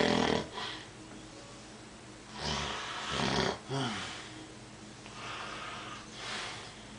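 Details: Person snoring while asleep: irregular rough, rattling breaths, some louder than others, over steady room noise.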